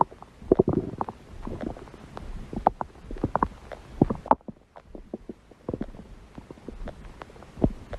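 Irregular gurgles, squeaks and low rumbles from the belly: ordinary stomach growling, a normal sound of gut movement.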